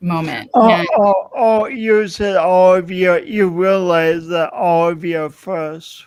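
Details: Man describing his own self-described speech impediment, type not named; r-to-w substitution; speech impediment.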